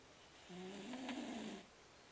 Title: My casper snoring :)